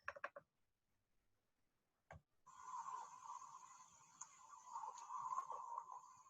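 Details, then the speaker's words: Coarse crackles (estertores grossos), bubble-like sounds, in a neonatal and pediatric physiotherapy teaching example, described as typical of bronchitis and also linked to pulmonary edema, bronchiectasis and bronchiolitis. "e aí oi e esse som de estertores grossos como tá na questão de de bronquite a gente vê muito na frente porque na parte hospitalar bronquite é uma uma das doenças que a gente mais ver né"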